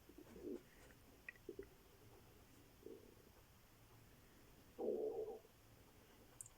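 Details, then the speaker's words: Woman apologizes that her stomach is gurgling and says it must wait until noon; soft, low gurgles in a quiet room with one longer rumble: hungry stomach rumbling (borborygmi). "suis désolée si vous entendez mon ventre qui gargouille. Il va devoir attendre jusqu'à midi."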